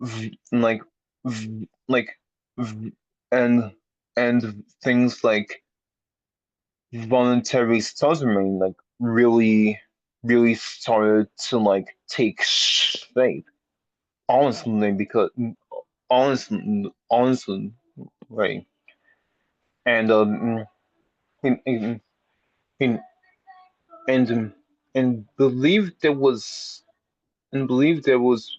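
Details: Adult man who has had speech therapy for a speech impediment; many repetitions and revisions; stuttering.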